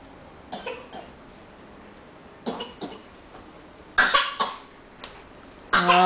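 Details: A child gives several short, deliberate voluntary coughs with mouth covered, demonstrating how to cough.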